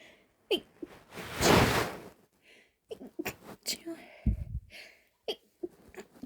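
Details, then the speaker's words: Stifled sneezes, kept quiet, attributed to pollen through an open window: breathy build-up, then a burst of air and several short, muffled, held-back sneezes. "because I opened my window, the pollen just flew straight through the air and I actually wanted to sleep cuz it's"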